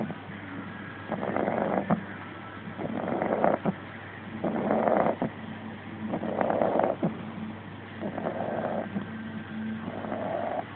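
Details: Rhythmic rattling snores from a sleeping Staffy puppy, one with each in-breath at about 39 breaths a minute, with soft pauses between; snoring.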